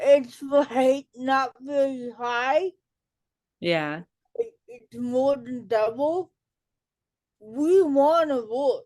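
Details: Adult woman with cerebral palsy, self-described as talking differently and possibly hard to understand; dysarthria (cerebral palsy).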